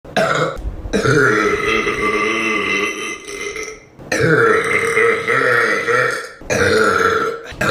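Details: Burping compilation: three long, loud, drawn-out croaking belches, each lasting a few seconds.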